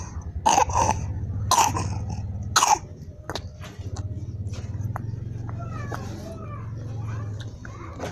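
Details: Young kitten coughing: three hoarse, hacking coughs in close succession, then faint rustling and a steady low purr-like rumble.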